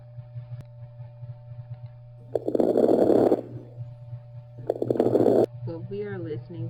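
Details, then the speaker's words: Teaching example of rales (crackles): two noisy breaths with a bubbly, gurgling, crackling texture over a steady hum, caused by fluid or mucus in the air passages. "rails are a bubbly or noisy sound caused by fluid in by fluid or mucus in the air passages it sounds like gurgling literally when you listen to the person's lungs"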